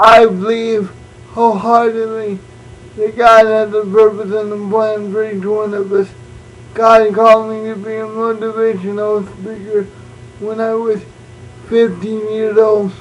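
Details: Adult man born prematurely with cerebral palsy, uses a wheelchair, also reports dyslexia and dyscalculia; no speech disorder named; speech in cerebral palsy (possible dysarthria).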